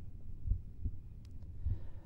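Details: Regular low heart thumps heard by stethoscope diaphragm at the left second intercostal space (pulmonary area) during a cardiovascular examination demonstration; normal heart sounds.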